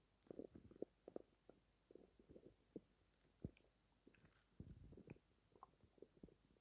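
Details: Irregular low gurgles, squelches and bubbling rumbles from an empty stomach at night after not eating all day, in a quiet room: stomach growling (borborygmi).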